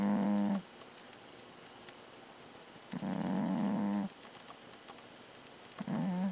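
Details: Three buzzy, rattling snores, about 20 a minute with quiet pauses, from a sleeping overweight cat; ordinary snoring.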